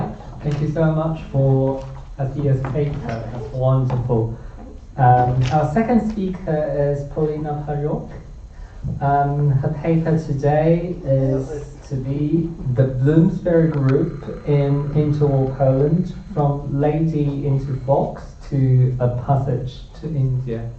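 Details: Adult male speaker; normal speech.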